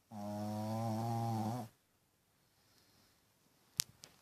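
One long, loud, buzzing snore lasting about a second and a half, then quiet with a couple of faint clicks.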